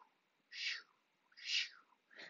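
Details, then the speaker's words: Vocal imitation of an AV fistula bruit: repeated breathy "shoo, shoo" sounds mimicking the whooshing bruit of a working dialysis arteriovenous fistula, heard before cannulation. "And next, I'm going to hear a bruit. Shoo, shoo,"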